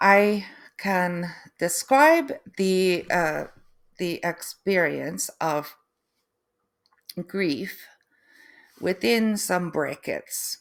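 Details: Adult woman, third-generation Canadian, after a stroke: aphasia with difficulty putting sentences together and inability to write, apraxia of speech, and foreign accent syndrome beginning 3 months post-stroke; she feels she now sounds East European.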